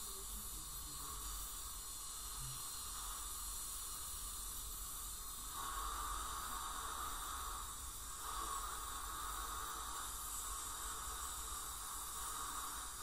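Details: Dental scaling by a hygienist on a patient with heavy plaque and tartar, possibly gingival inflammation or full-mouth debridement: steady high hiss and spray with a thin whine and suction noise, typical of ultrasonic scaling.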